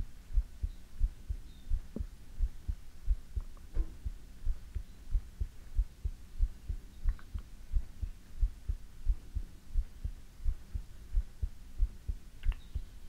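Steady, deep double thumps of a heartbeat, about 90 beats a minute, over a faint room hum.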